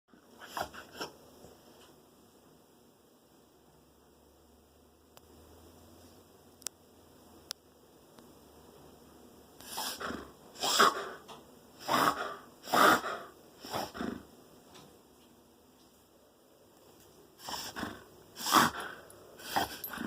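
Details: Two runs of rapid, harsh snorting breaths from a dog after a quiet start, typical of reverse sneezing.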